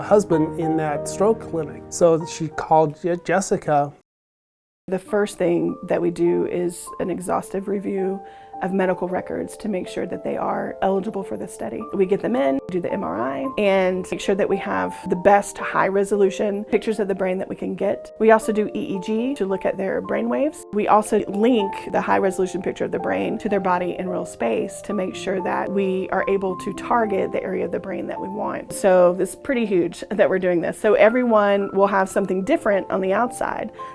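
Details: Adult speakers, mainly one adult researcher; normal speech.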